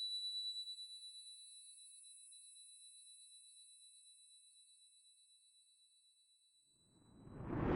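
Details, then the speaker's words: Simulated tinnitus as heard by a deaf young man without his cochlear implants: steady high-pitched ringing tones over near silence, ending in a rising rush; he describes deafness as emptiness with sometimes a very loud little sound. "Quand j'ai pas mes implants, la surdité, c'est un vide. Fait que j'entends rien du tout. Puis tellement que j'entends rien, des fois ça fait un petit son comme super fort."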